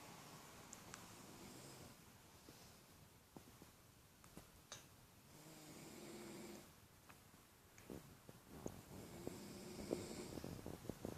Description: Ur gonna hear people snore . LOL